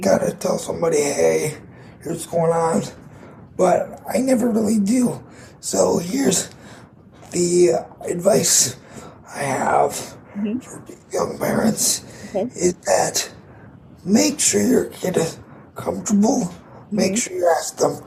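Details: 22-year-old man with cerebral palsy affecting his muscles, tighter muscles making talking more difficult, audible in his voice; dysarthria (cerebral palsy).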